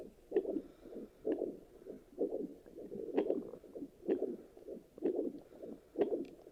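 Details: Handheld fetal Doppler check after delivery picks up regular whooshing pulses at about 64 a minute; a normal adult heartbeat.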